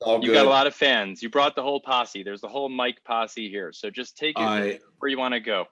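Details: Adult male speaker; typical speech.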